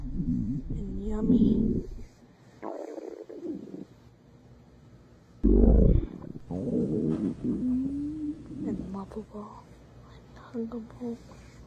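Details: Person's stomach growling after a big meal: low rumbling and squeaky, pitched gurgles separated by quiet stretches; ordinary digestive borborygmi.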